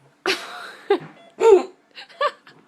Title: Hiccups after wisdom teeth surgery